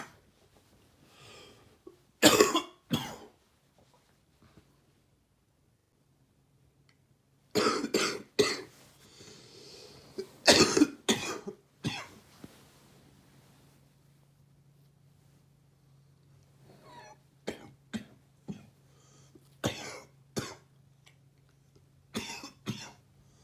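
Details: Adult with a cold, the last of summer or first of fall: repeated loose, wet coughs in clusters, some with a gagging, throat-clearing quality.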